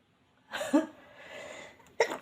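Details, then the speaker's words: Sneeze set off by a Covid-19 nasal swab test, in someone who says they always sneeze and get watery after a swab: a sharp intake and burst, then a second short burst. "Udah, selalu saya kalau habis di swab itu langsung bersin-bersin dan mengeluarkan air."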